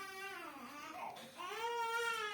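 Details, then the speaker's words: Baby present during a live group spiritual session: a rising and falling wailing cry, quiet room background; an ordinary infant cry. "et par les cris du bébé qui nous accompagne aujourd'hui, nous pouvons être à l'écoute de l'enfant intérieur que nous portons en nous"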